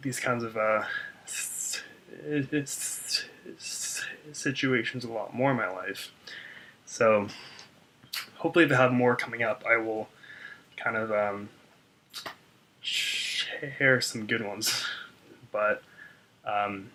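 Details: Adult man who stutters, reporting severe blocks on his name; audible word repetitions; stuttering.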